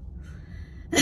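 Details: Faint airy breath then a brief breathy cough lacking sharp closure, from an adult 3 weeks after total thyroidectomy with hoarse voice; surgeon suspects bruising causing unilateral vocal cord paralysis; weak cough.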